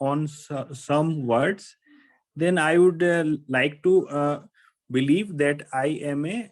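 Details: Stuttering in an adult who says he stammers, heard with an extended repetition of "I" at the start.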